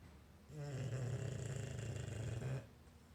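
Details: English bulldog, sound asleep and lying motionless, snoring: one long, loud, fluttering snore of about two seconds with a coarse rattling quality.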